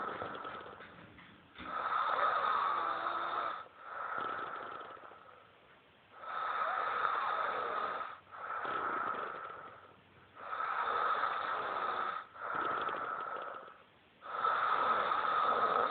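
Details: Snoring: loud, rhythmic rasping snores with each breath, about 16 breaths a minute, in a quiet room.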